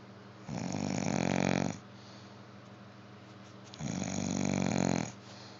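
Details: Snoring during sleep: two rough, rattling snores on the in-breath about three seconds apart, with quiet pauses between, in a small room.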